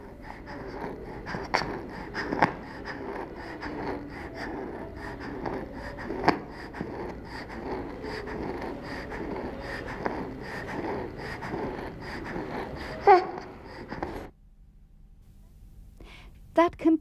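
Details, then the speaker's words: Child's noisy breathing with a faint musical whistle on breathing out: expiratory wheeze, not stridor (no harsh inspiratory noise); WHO IMCI training exercise on identifying stridor in children. "we heard a wheezing sound when breathing out therefore we decided that did not have stride or stride or is a harsh sound on breathing in this child has wheeze when breathing out"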